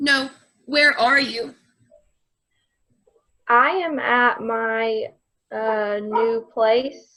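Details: Acted (simulated) global aphasia after a recent stroke in a female nursing-home patient, with non-fluent minimal output, impaired comprehension and word-finding difficulty.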